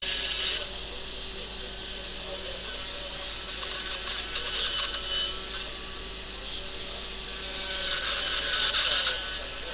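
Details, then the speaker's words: Powered cutting burr drilling bone inside the sinus during endoscopic Draf III surgery, left Draf IIb, with irrigation: a high, hissing grinding sound rising and falling. "Yep. But let's now go to that cutting burr, please."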